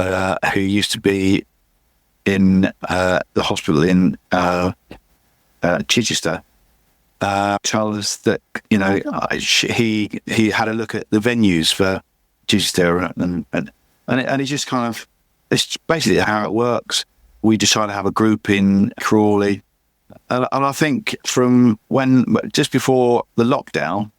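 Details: Adult male with chronic aphasia after a massive stroke about 11 years earlier; still unable to read or write, and he says his speech is not great; repetitions heard; aphasia.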